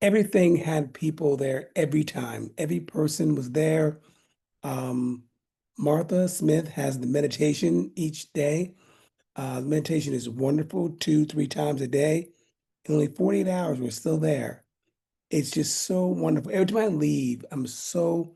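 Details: Aphasia in an adult man following a stroke in 2016, about nine years after onset.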